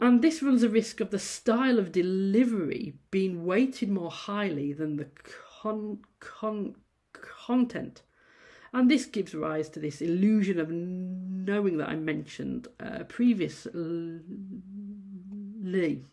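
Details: Adult female university lecturer who says she stammers; prolonged and repeated sounds at word starts; stuttering.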